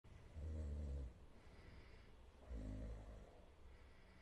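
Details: Boys snoring during a stream; it is unclear which of two people was snoring.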